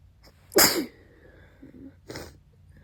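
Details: Sneezing fit leaving snot everywhere: a loud explosive wet sneeze then a softer second burst, with faint sniffling and false starts between.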